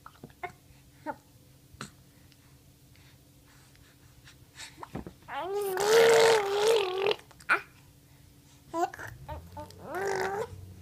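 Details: Brief, sharp hiccups at irregular intervals a few seconds apart, breaking into a child's chatter and laughter while telling stories.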